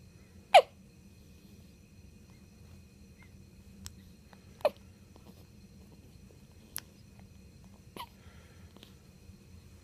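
Quiet room with a few sharp, brief catching sounds spaced a second or two apart, consistent with hiccups.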